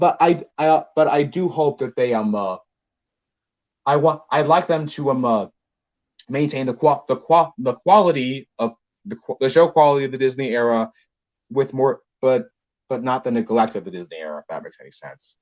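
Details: Male podcast co-host who reports having a bit of a speech impediment, type not specified; speech disfluency.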